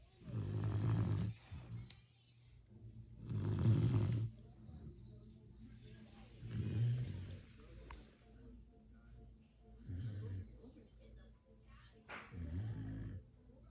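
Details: Low, rattling snores with each breath, about five in fourteen seconds, over faint background noise, from a sleeping Beagle dog; snoring.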